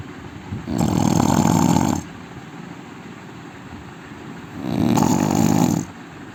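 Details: Indian man snoring loudly: two loud, rough, rumbling snores about three seconds apart, with quiet breathing between them; heavy snoring.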